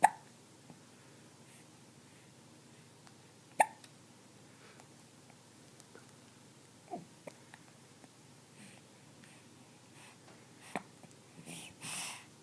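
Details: 14-week-old kitten: soft, sharp little clicks recurring every few seconds; hiccups.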